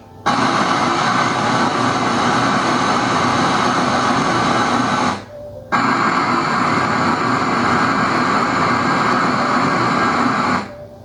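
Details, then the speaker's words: Real-ear measurement test signal played into both ears through a thin probe tube before hearing testing, measuring the ear canal's natural resonance (real-ear unaided response); eardrums and canals found clean and normal. "시리 공명 반응이라고 하거든요. 그러니까 실제 귀의 공명을 체크하는 거예요."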